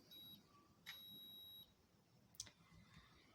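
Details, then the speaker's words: Faint high electronic beeps and a soft click as the cuff of a Microlife digital blood pressure monitor inflates and pressure builds to begin measurement; the reading comes out 131/86 mmHg with pulse 85. "इस sound का मतलब है blood pressure जो है कफ के अंदर pressure बनना शुरू हो गया है और ब्लड प्रेशर काउंट होना स्टार्ट हो गया"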